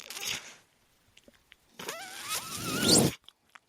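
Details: The speaker's own mechanical ventilator, heard while he talks: a brief hiss, then a longer rushing, whirring cycle with a rising and falling whine as the ventilator delivers a breath.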